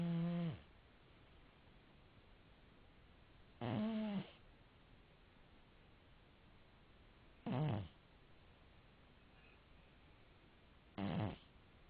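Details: Sleeping cat gives four low, rumbling snores about every four seconds, roughly 17 a minute, with quiet pauses between them; snoring.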